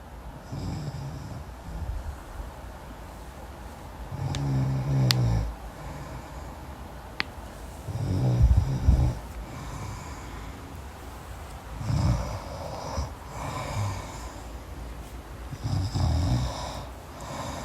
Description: Snore yourself to sleep listening to the crackling sounds of a deep sleep snore.